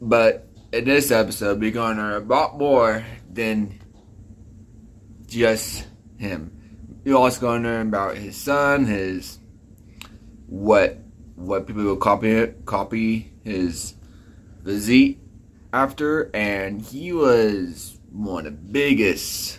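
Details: Speech impediment (disfluent speech) in a man, present since childhood; type not specified.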